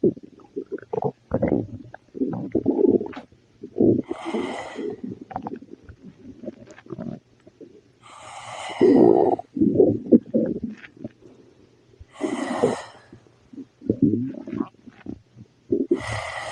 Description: When I ate spicy food, after a while my tummy started to growl and I began to burp very much.